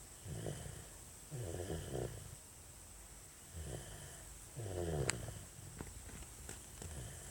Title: Baby snoring